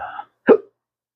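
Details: Adult man with chronic hiccups: a brief vocal fragment followed by one short, abrupt voiced catch, a single hiccup.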